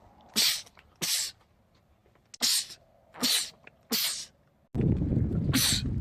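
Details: Male, from a compilation of rapid sneezing attacks in men: six loud, sharp sneezes in quick succession, with louder background noise near the end; rapid sneezing fit.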